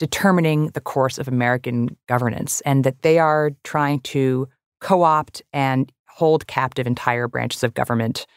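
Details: Adult speaker; normal voice.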